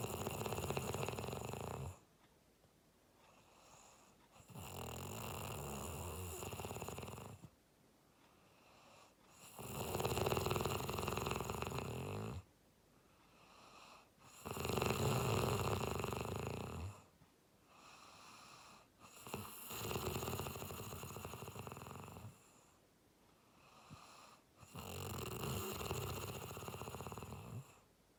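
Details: Snoring sound effect: loud, rattling snores on each breath in, with quieter breaths out, about 12 to 13 breaths a minute.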